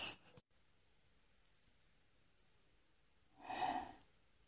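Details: One short burst of breathy noise after a brief clipped sound: a woman deliberately forcing herself to sneeze, clip possibly edited; forced sneeze.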